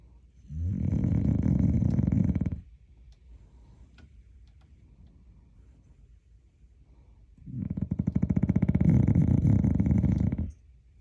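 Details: Dog snoring in sleep, likened to a hog: two long, loud, rattling snores on inhalation separated by a quiet pause.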